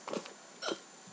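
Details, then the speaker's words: Person who has had hiccups all day: two abrupt, short voiced hiccup gulps about half a second apart. "as you can hear guys I've got the hiccups and I've had the hiccups all day"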